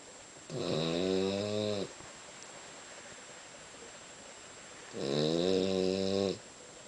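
Two long, rattling, buzzy snores on the in-breath, separated by quiet pauses; ordinary snoring.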